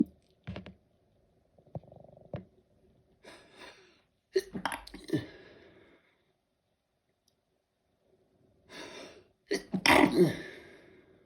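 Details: An adult's mini sneezing fit: quick catching breaths, then a short run of explosive sneezes in two clusters, the last the loudest.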